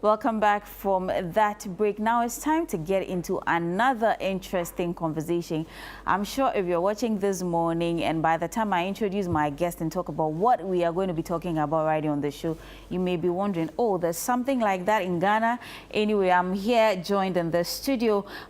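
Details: Adult female TV host; typical speech.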